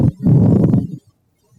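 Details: Coarse, low-pitched grating burst under a second, a pleural friction rub played in an EMS lung-sound quiz; patient presented with localized chest pain, pleurisy suggested.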